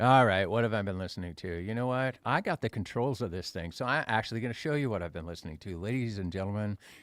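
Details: Adult male speaker; normal voice.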